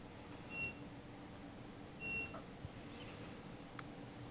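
Two short, high electronic beeps about a second and a half apart over quiet room hum: an intra-aortic balloon pump console powering on.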